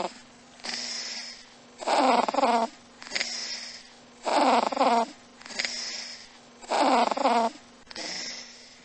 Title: This is supreme! Neural networks can already decipher cat snoring!